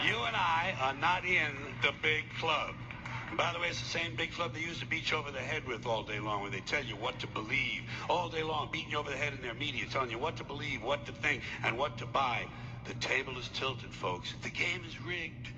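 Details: Adult man speaking; ordinary fluent speech.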